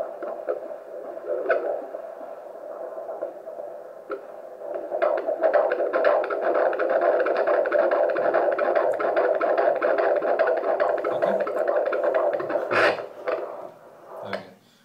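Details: Doppler recording at a 25-week antenatal check: the mother's heartbeat first, then the baby girl's fast, rhythmic whooshing fetal heartbeat at about 146 a minute, a normal fetal heart rate.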